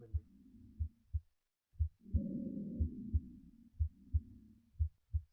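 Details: Simulator with heart sounds switched on: regular paired heart sounds near 60 a minute with soft breath sounds behind them; normal heart sounds with normal breath sounds.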